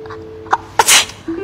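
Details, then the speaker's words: A quick indrawn breath, then one sharp acted sneeze in a drama scene, faint background music. "这打喷嚏是小事儿，常言说得好，一想二骂三惦记。"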